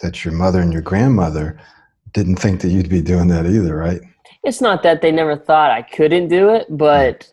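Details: Adult speakers in conversation; fluent speech.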